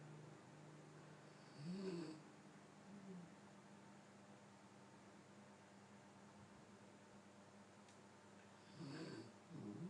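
Two low, rough snoring breaths about seven seconds apart over steady background hiss: snoring during sleep.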